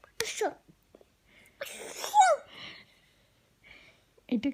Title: Cute Baby Sneeze 😂